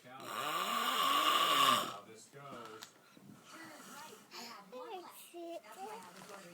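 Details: Woman asleep on a sofa snoring: loud, drawn-out rasping snore nearly two seconds long, then quieter breathing with faint voices in the room.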